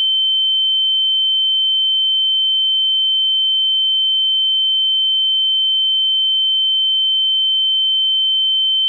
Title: Kulak Çınlaması - Tinnitus Ses Efekti